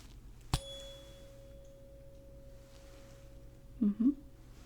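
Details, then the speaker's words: Simulated ASMR hearing-test roleplay: a struck tuning fork rings with a clear, steady pure tone that slowly fades, then a quiet murmur follows; the person being tested is asked which ear hears it better. "now I'm going to use these and they make different tones the smaller ones are higher frequencies and the larger ones are lower"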